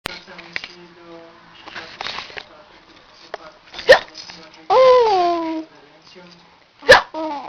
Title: Czkawka Hiccup